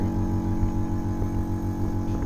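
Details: IFT vacuum therapy unit running, with its suction electrodes held on the skin to deliver interferential current plus vacuum: a steady low motor hum with faint rhythmic pulsing.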